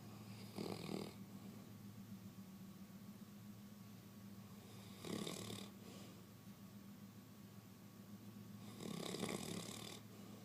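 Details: Three rasping snores spaced about four seconds apart, roughly 15 breaths a minute, over a steady low hum; snoring while sleeping on the couch.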